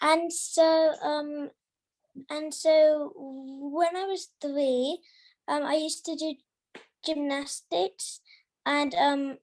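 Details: Girl who stammers, with stammering reported from at least age 3; stammering.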